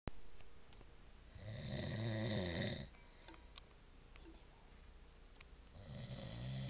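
A long, rough, rattling snore on the in-breath, a quiet pause, then the next snore beginning; ordinary adult snoring in a quiet room.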